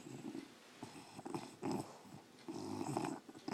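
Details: English bulldog snoring loudly while sleeping: soft, fluttering, rumbling snores in short bursts over a few seconds.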